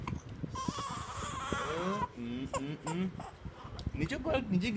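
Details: Baby with hiccups and hair pulling: wavering, whimpering cry with an adult's voice nearby; a fussing infant cry.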